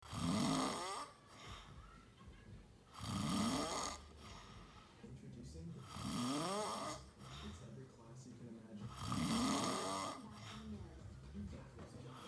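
Loud, rough, rattling snores recur every three seconds or so, about 20 a minute, with quieter breathing between them.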